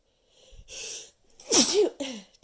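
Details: Person counting sneezes in a long run past a dozen: quick intake of breath, then one loud explosive sneeze with short trailing voiced sound; sneezing.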